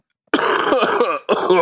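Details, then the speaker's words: An adult podcast host who has a cough gives two harsh, rough, voiced cough bursts, the first long and rattling, with a brief pause between. "uh cough is worth a thousand words that's right it's a cough hurt around the world"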